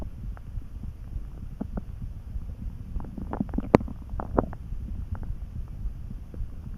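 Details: Hunger stomach and bowel rumbling while lying on a bed, sleepy and dozing, some hours after lunch: soft, irregular gurgles and low, calm churning over a quiet hum.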